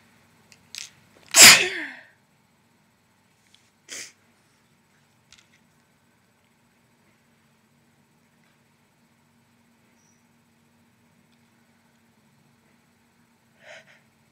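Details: One loud wet sneeze after a short intake, then a few smaller sniffs and puffs in a quiet room; wet sneezing.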